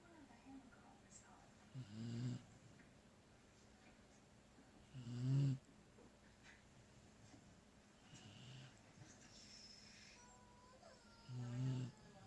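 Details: Sleeping dog: three short, low snorting snores a few seconds apart, with faint room noise and distant talk; snoring.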